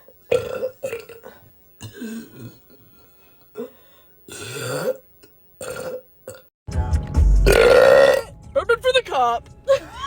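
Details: Women burping: several loud, drawn-out belches from different people, with music and laughter in the background; voluntary burping.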